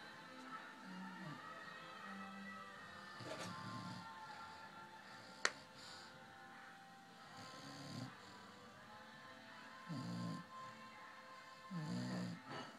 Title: Snoring dog